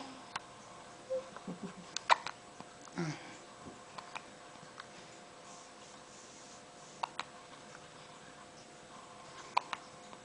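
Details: Clover hiccuping while held on a person's shoulder: short, sharp clicking catches recurring irregularly over about ten seconds in a quiet room; hiccups.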